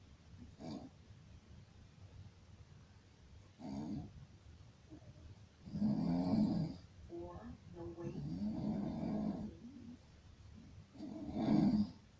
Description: Enjoy this horrible sound of Snoring at its finest.